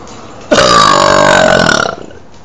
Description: I was burping out the window and they were being MEAN.